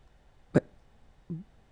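A single sharp, abrupt gulping hiccup followed by a brief voiced sound, in a quiet room.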